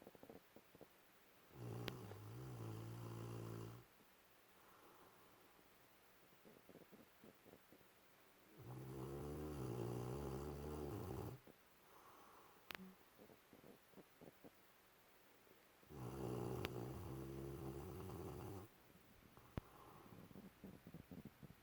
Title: doggo snores